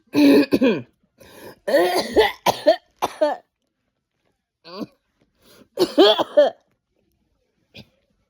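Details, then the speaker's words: Several bursts of harsh, somewhat voiced coughing in short runs with pauses, recorded at home by a sick woman with a long-haul illness for her doctor; she calls it an asthmatic cough. "that's an asthmatic cough."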